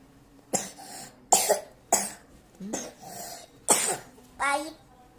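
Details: Young child, sick with fever and cough, gives five short, harsh coughs in quick bursts with brief breaths between; earlier nosebleed, coughing brings on vomiting, refuses the doctor's bitter medicine; cough.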